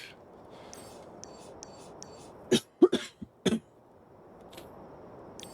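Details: A short run of about four dry coughs from an unwell adult while driving in a racing video game, over quiet game sound.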